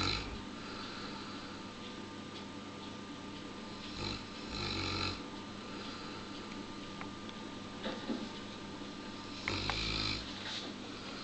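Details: 71 kg Neapolitan Mastiff asleep on pillows: low snorting snores on some breaths, about 12 a minute and uneven, over room noise; snoring.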